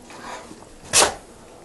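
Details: A single short, sharp sneeze from a 4-year-old female Border Collie/Labrador Retriever cross doing a trained sneeze-on-command trick in a quiet room.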